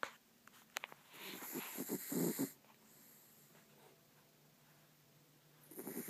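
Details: Snoring from an exhausted dog; the owner's dogs are worn out.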